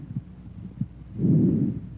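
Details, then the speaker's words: Soft, medium-pitched normal bronchovesicular breath sounds through a stethoscope, intermediate pitch and intensity, inspiration and expiration about equal with a possible silent gap, heard at first and second interspaces anteriorly and between the scapulae. "Bronco vesicular sounds have an intermediate pitch and intensity inspiratory and expiratory sounds are about equal in duration and a silent Gap may or may not separate them"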